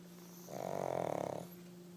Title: Pug snoring.